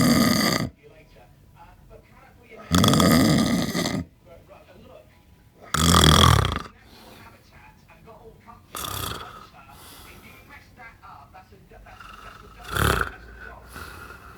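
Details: Loud, harsh snores recurring about every three seconds with quiet breathing between, from a sleeper after eight pints of Stella lager, likened to a farm animal.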